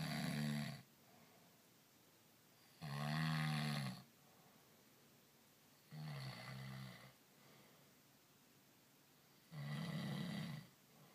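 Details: Adult man snoring in sleep after a day of back-country skiing: loud, low rumbling snores about every three seconds (about 19 a minute), each lasting about a second, with quiet breathing pauses between them.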